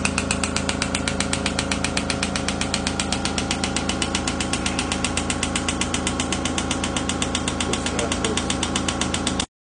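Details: Shockwave therapy on deep thoracic stabilizing muscles for chronic mid back pain over 6 months, patient held laterally flexed and rotated by assistants: rapid steady clicking pulses, about 118 a minute, over a low mechanical hum.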